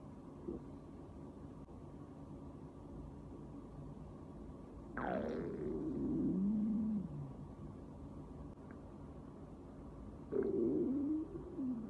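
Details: Stomach growling (borborygmi): two long, gurgling, falling rumbles from the belly in a quiet room, from gas and fluid moving through the gut.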